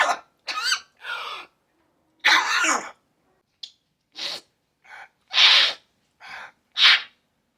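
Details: Birds, possibly parrots, coughing and sneezing: a series of short, sharp, high-pitched huffing bursts, some hoarse and some hissing.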